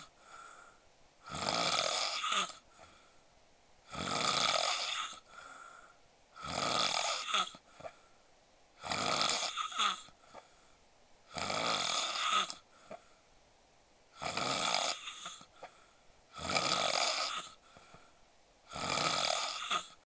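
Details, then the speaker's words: Loud, harsh, rasping snoring at about 24 a minute with softer breaths between, from an adult sleeping face-up after drinking alcohol, who fell asleep right after eating. "ちゃんのいびきは酒も入っているせいか、正面を向いて寝ているせいか、とても激しいです。"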